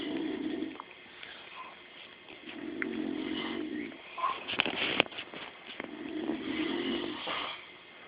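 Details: Two sleepers snore simultaneously, with soft buzzing snores about every three seconds and some rustling and clicks between them: snoring.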